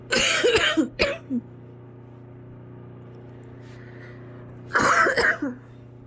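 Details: An adult sick with fever gives two bouts of wet, congested coughing separated by a quiet pause, over a low room hum.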